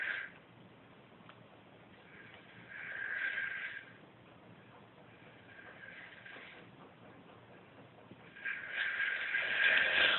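Rhythmic rasping, slightly whistling breath noises recur about every three seconds, roughly 20 a minute, over quiet room hiss; snoring.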